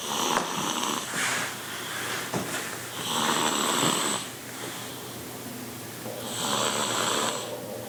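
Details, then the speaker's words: Sleeping female after a birthday party, body moving with each snore: loud rattling inspiratory snores, about 20 breaths a minute, with room background noise. "The butt appears to be moving with each snore. She slowly saws wood."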